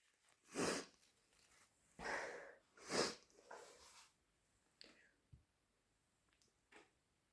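A run of forceful sneezes, some with a sharp intake before, then sniffs and quieter breaths: a sneezing fit.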